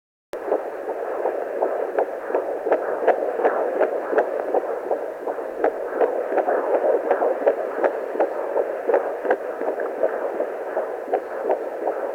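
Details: Fetal heartbeat at 12+3 weeks of pregnancy on a pocket fetal Doppler: rapid whooshing pulses at about 160 per minute.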